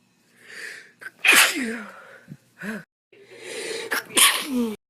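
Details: Adult sneezing: two loud sneezes, each preceded by a rising breathy inhalation, with a short voiced vocal tail after each burst; sneezing.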